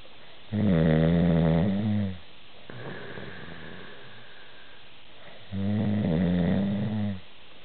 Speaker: Can I show you the video of your super loud snoring?